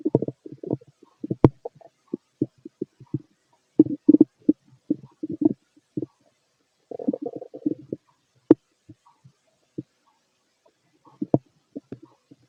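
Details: Fit adult male's abdomen through a stethoscope during digestion of a mixed meal: irregular gurgles, clicks and short rumbles with quiet gaps, ordinary bowel sounds.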